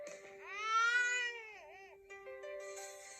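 A single rising and falling infant wail, then a brief waver, played by an infant simulator doll over a steady electronic tone: a fussy baby cry.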